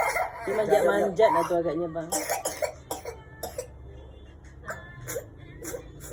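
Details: Child with a nonstop cough, unable to sleep, with lots of phlegm, during an egg nerve therapy session, coughs repeatedly in short bursts after a moment of voice: persistent productive cough.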